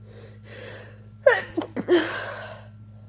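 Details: Person coming down with a cold, inducing sneezes and trying to stifle them: a drawn-in breath then a partly stifled sneeze with a short breathy release.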